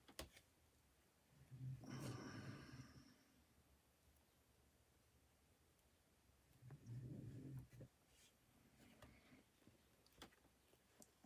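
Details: Two harsh, low, rasping bursts in a quiet room from a male dog whose organs are failing after an unexpected vet visit, fitting laboured breathing with a hacking cough.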